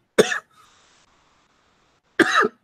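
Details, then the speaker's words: Adult coughing during a live-streamed talk: two harsh single coughs about two seconds apart, with faint room noise between. "oh damn sorry coughing like crazy there"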